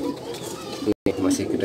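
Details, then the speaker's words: Sick pigeon, previously sneezing with a runny nose, now in its fourth day of chicken medicine: low, rough, rattling snoring breaths. Sneezing has stopped but the snoring persists, a sign of respiratory illness. "kedengaran bunyinya ngorok ya tapi dia sudah enggak bersin-bersin Sebelumnya dia sering bersin-bersin kayak gitu"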